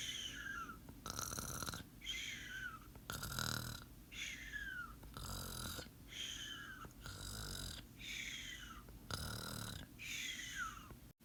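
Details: Raspy snores alternating with high, falling whistles on each breath, about five breath cycles in eleven seconds; snoring with nasal whistling.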